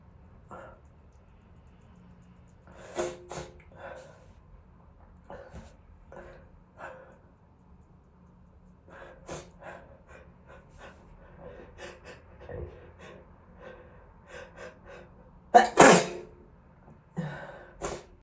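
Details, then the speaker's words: Several quiet breathy build-ups and snorts, then two loud explosive wet sneezes near the end; repeated sneezing. "Sorry. I'm gonna sneeze."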